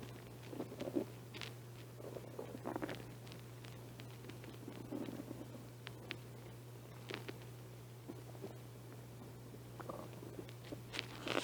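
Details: Stomach growling (borborygmi) recorded by a person who has not been eating much lately.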